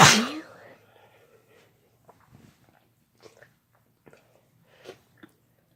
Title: Sneezing with no talking (F+M)